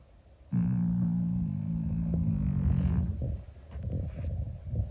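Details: 25-year-old calico cat asleep: a loud, low, drawn-out rumbling snore lasting about three seconds, then softer breathing noise; snoring in an elderly cat.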